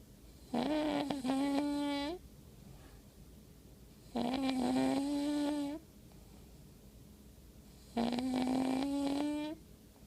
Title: I Don't Snore !!!!!!